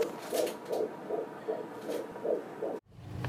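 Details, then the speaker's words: Fetal heartbeat on Doppler at a 13-plus-week OB appointment, first time heard, described as strong and healthy: fast, regular whooshing pulses about 158 beats a minute. "We have just finished an OB appointment for Amy, and we are at 13 plus weeks, and today we got to hear the heartbeat for the first time."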